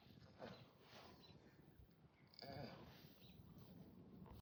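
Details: Loud, rough breaths with a snoring rattle from a big bull in deep sleep, lying on hay with his head resting on a younger bull.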